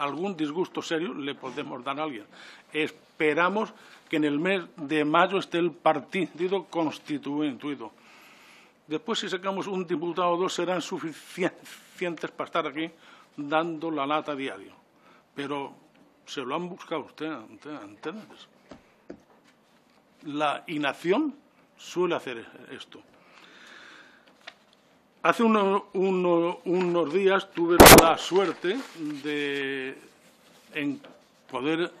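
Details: Adult man who stutters, speaking publicly in person before a parliamentary disability commission; he says stuttering makes him take longer to say things than to think them; stuttering.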